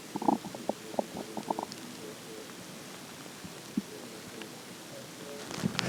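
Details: Morning stomach growling while hungry: a quick run of bubbly gurgles, then scattered single pops in quiet; borborygmi.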